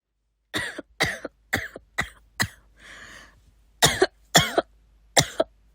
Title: my sister coughing 4